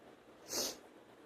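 A single short, hissing sneeze burst over faint background noise.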